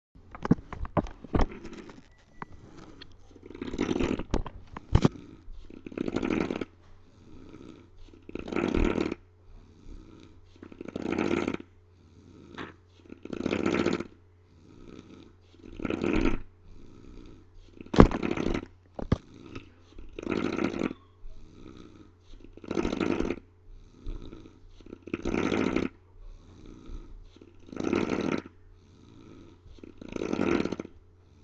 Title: Rabid, snoring man!